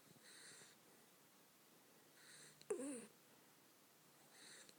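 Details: Dropping off to sleep and snoring: soft hissing breaths about every two seconds with one louder snorting, whistly breath between.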